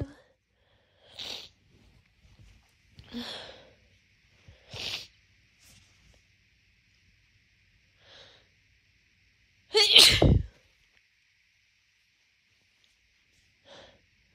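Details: Several short stuffy snorts and sniffs building to one loud sneeze on waking, before morning medication, in a person with a month of daily morning congestion from seasonal allergies; allergic rhinitis sneezing.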